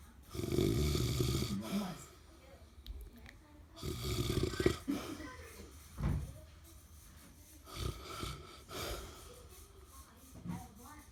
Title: Snoring grandpa